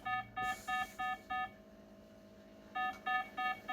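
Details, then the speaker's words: Repeated electronic alarm beeps in short bursts from a pulse oximeter as heart rate drops to 46–45 in a woman with 22q11.2 deletion syndrome, with seizures, status dystonia and breathing difficulty; pulse oximeter low heart rate alarm. "Quite significant heart rate drops during that period. Down to 45."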